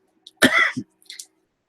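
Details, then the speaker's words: Adult vlogger with an ongoing throat cough, hacking stuff up: one harsh, throaty cough with a short follow-up, then a brief breathy sound. "my throat still coughing about anything so but coughing hacking stuff up surprisingly doesn't look good on camera"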